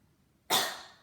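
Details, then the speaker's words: Demonstration of an assisted cough technique: a single forceful, breathy cough burst after silence as the person throws themselves forward to clear secretions, part of cardiopulmonary physiotherapy breathing and coughing exercises. "really throw themselves forward when they caught and then the last one there's the counter rotation"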